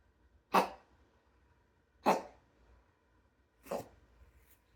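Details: Sphynx cat with an intermittent cough; owner asks what it means. Three short, sharp, forceful expiratory bursts in a brief series.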